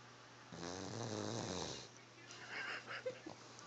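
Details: Baby snoring: one low, buzzing, rattly snore on the in-breath, then a quieter breath out over steady room hum.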